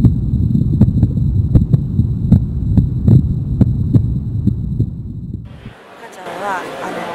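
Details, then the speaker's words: Normal heartbeat of a pregnant mother, recorded to make a CD for her baby: steady low thumping at about 78 beats a minute over a muffled hum, fading into soft noise. "妊娠中のお母さんの心音には、子どもさん、成長していく中での安心できる音だということですごく大きな力があると言われています。"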